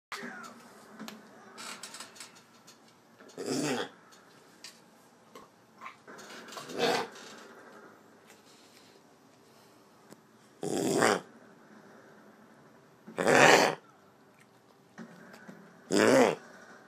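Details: Dog gives several harsh, forceful gagging coughs, as if a furball were stuck in his throat; owner wonders whether it is kennel cough.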